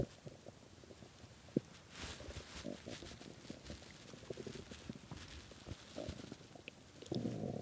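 Soft bubbling gurgles and brief rumbles over a quiet background, with a louder gurgle at the end; stomach growling from hunger.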